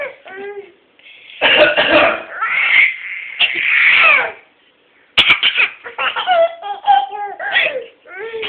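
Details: Mother choking on her dinner coughs: harsh bursts of adult coughing, in a short run and then once more, between a baby's bright, high laughs and squeals.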